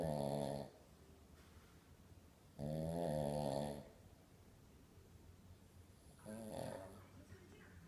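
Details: Loud, rattling snores from the father on each breath in, about three in eight seconds, with quiet pauses between; ordinary snoring.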